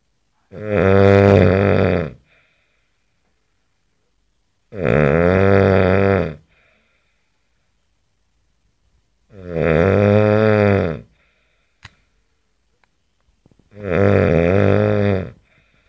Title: ACTUAL SOUND OF A MAN SNORING